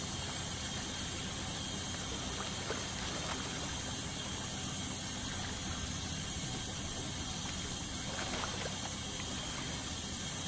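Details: Dental ultrasonic scaling: steady high-pitched whine with hissing water spray and suction gurgle, removing tartar during a dental cleaning.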